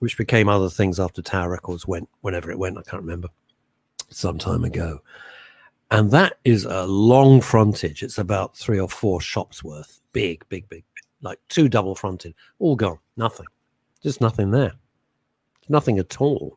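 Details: Adult man; normal speech.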